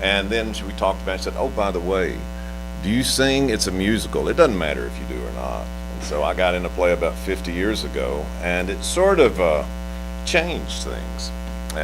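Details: Adult male speaker; Normal speech.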